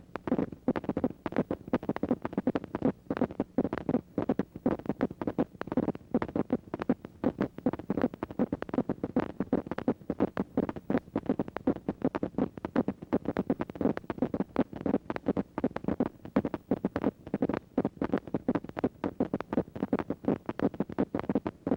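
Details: Myokymic discharges on needle EMG, teaching example; myokymic potentials are essential findings in myokymia-cramp syndrome, most often seen in Isaacs syndrome, demyelinating neuropathy, radiation plexopathy and timber rattlesnake envenomation.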